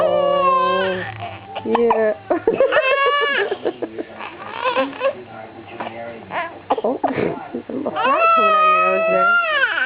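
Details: Infant crying: loud, high-pitched wailing cry with broken sobbing bursts and catches between long cries, in a small room.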